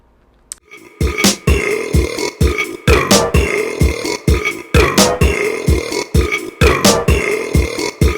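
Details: Burp compilation from March 2022: a rapid string of loud, low belches, about one every second or two, over background music.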